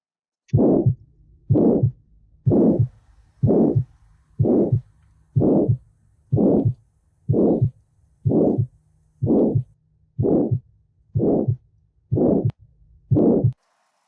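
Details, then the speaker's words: Diamond-shaped crescendo-decrescendo systolic ejection murmur from restricted valve opening, as in aortic or pulmonary stenosis, peaking in mid-systole: regular heartbeat about 62 a minute with a harsh murmur between heart sounds. "ocorre devido à restrição na abertura das válvulas fazendo com que haja um pico na mesossistolico dando essa ideia de crescendo e da crescente vamos ouvir água"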